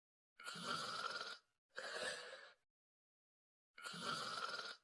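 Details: Two people sleeping: three harsh, noisy breath sounds with pauses between them, loud snoring during sleep; snoring.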